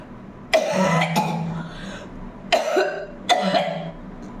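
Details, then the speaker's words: Three loud, wet-sounding coughs with throaty rumble between them, from a woman with a heavy cold and cough who recently had fever and says she brought up phlegm and vomited; productive cough. "बहुत खांसी और सर्दी दोनों हो गई है इसलिए मैं सोची जी ये रिक्वेस्ट आ रहा थे तो मैं ट्राई करके ट्राई क्या करना ये तो नेचुरल अभी जमके जुकाम लगे मुझे"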